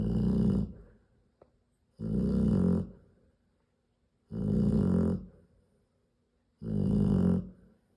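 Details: Nursing Serbian-import Rottweiler mother sleeping while nursing her 10 three-day-old puppies, snoring loudly: four loud rasping snores, each under a second, about 27 a minute with quiet gaps; snoring.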